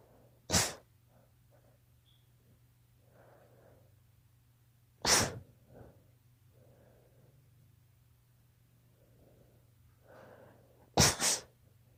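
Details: Daughter's allergy sneezes: three sharp sneezes, the last a quick double, with soft breathing between in a quiet room; allergic sneezing.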